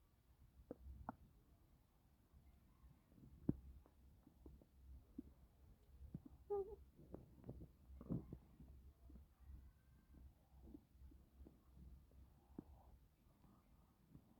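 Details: Woman 5 months pregnant, uncomfortable while doing housework and packing hospital clothes (caption mentions near-miscarriage): quiet low gurgles and brief squelching pops from the belly, stomach growling (borborygmi).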